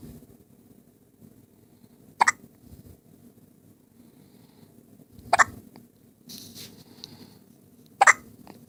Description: One day old with some serious hiccups